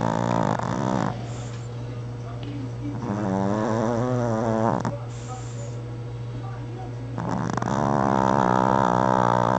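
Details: Sleeping Chihuahua, tired after playing: loud, buzzing, whistly snores with short quiet gaps between breaths; snoring.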